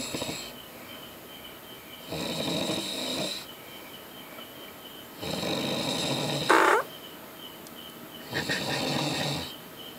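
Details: A man snoring: loud, harsh, steady rhythmic snores roughly every three seconds, with a brief squeak and faint room tone, music in the background; snoring.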